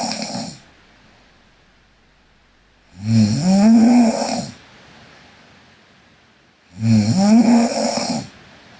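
Two loud, rough, voiced snores on inhalation with quiet pauses between them, about 16 a minute; ordinary snoring.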